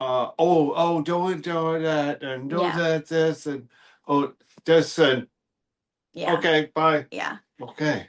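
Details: Real expressive aphasia in an adult male after a stroke affecting the Broca speech center on October 11, 2025.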